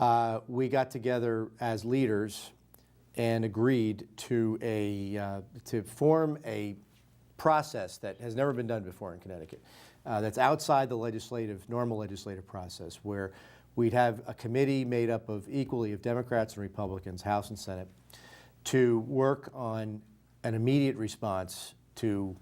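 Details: Adult man speaking; normal voice.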